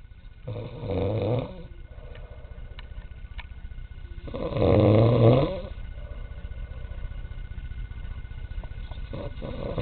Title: Grimsby taxi driver snoring